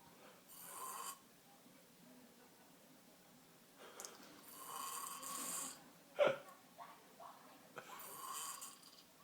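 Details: Adult snoring: rough, rattling snores on each in-breath, about three across the stretch, with quiet pauses between.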